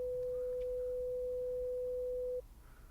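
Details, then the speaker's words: Simulated pure-tone audiometry in an ASMR role-play hearing exam: a steady, soft 500 Hz test tone lasting about two and a half seconds, played in an ascending 300 to 900 Hz frequency sequence. "Okay. And let me know if they become more difficult to hear at all, or if you can hear each of them with the same ease as you did the first two. Okay. So next is 500 hertz."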